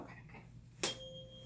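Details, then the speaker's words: Rinne hearing test in a head-to-toe assessment: a sharp strike, then a steady, fading high pure tone from a tuning fork placed behind, then in front of, the ear; ratio 2-to-1, a normal finding. "I'm going to strike the tuning fork. I'm going to place it behind your ear when you can no longer hear."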